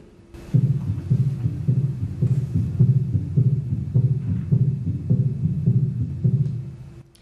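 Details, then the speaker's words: Teaching recording of an S3 gallop: regular low heartbeats near 105 per minute with a soft extra thud very early in diastole, just after the second sound. "But just remember that an S3 is very early in diastole, and the S4 is very late. So I'm going to play you a sound of the S3."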